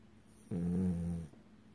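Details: French bulldog asleep in REM sleep, flat-faced breed: a single low, droning snore lasting under a second; snoring.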